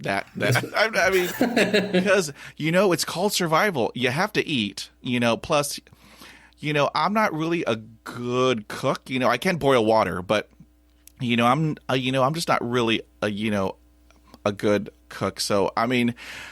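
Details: Stuttering in an adult man after about 20 years of speech therapy; stutters equally across the languages he speaks.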